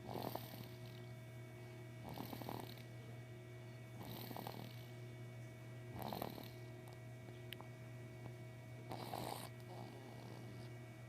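Five soft, rough snoring breaths about every two seconds, around 27 a minute, over a steady background hum.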